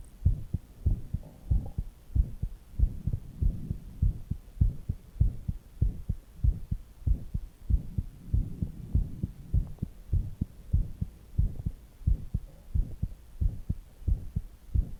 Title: resting heartbeat with stomach noises